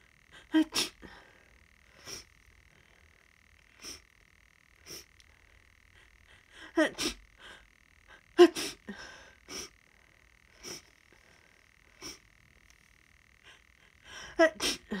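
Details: Sniffly person, unsure whether allergy or start of a cold, in a prolonged fit of very rapid tickly sneezes with quick inward gasps before several, in a quiet room.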